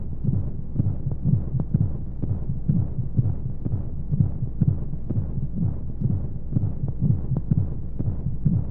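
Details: Womb-sound sleep aid for babies: muffled rhythmic heartbeat thumps at a regular rate under steady whooshing white noise and flowing sounds, like sounds heard in the womb.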